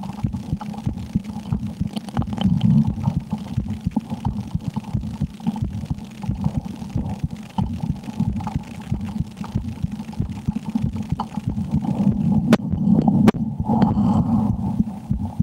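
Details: Own heartbeat heard while playing the horror game Slender: The 8 Pages, said to change with extreme fear. Fast, muffled thumps over a constant low rumble; a quick but normal heartbeat.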